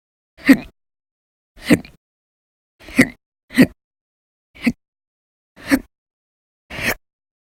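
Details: Violent, very loud hiccups in a quiet room: seven abrupt, sharp vocal catches, about one a second and irregularly spaced. They come from a run of persistent episodes lasting minutes to hours each, recorded 11/1/19 to 11/20/19.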